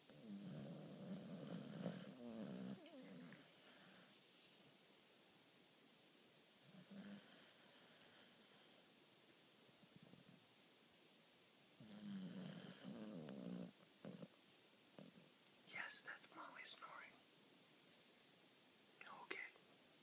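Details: A dog snoring in sleep: three rough, rumbling snoring breaths about five seconds apart, with snuffling and small squeaky noises in between.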